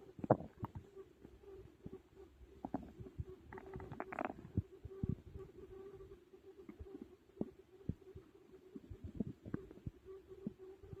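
Quiet intermittent gurgles and pops with a low steady hum behind them; stomach growling after a large meal.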